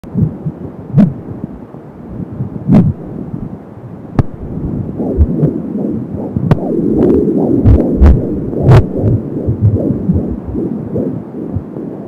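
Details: Fast, rhythmic whooshing fetal heartbeat at 16 weeks of pregnancy, heard on a home Doppler (Angel Sound), with a steady hum and occasional probe clicks.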